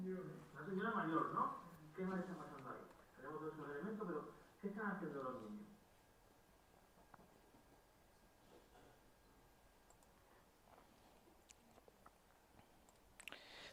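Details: Spanish-speaking male patient with Broca's (expressive) aphasia one year after a left middle cerebral artery stroke.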